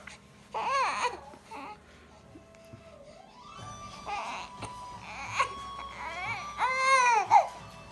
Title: She wants somebody to hold her after tummy time